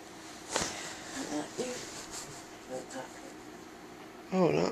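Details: Night-time sleep talking by an adult woman, a frequent sleep talker, rambling about the refrigerator and TVs and insisting she is awake while not fully awake.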